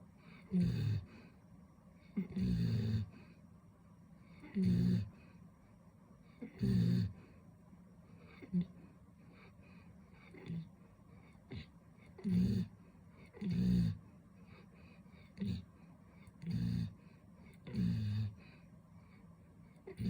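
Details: Sleeping puppy snoring: soft, low, rattling snores at about 30 a minute; ordinary sleep snoring.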